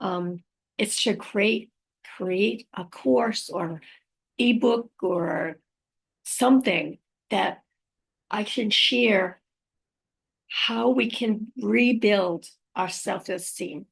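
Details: Aphasia after a stroke in a woman who also reports apraxia of speech and dysarthria; unedited recording made on a good day, in the morning, with pauses and errors left in; aphasia.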